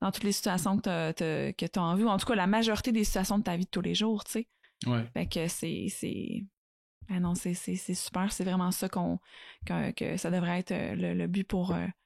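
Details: Adult woman speaking French; normal fluent speech.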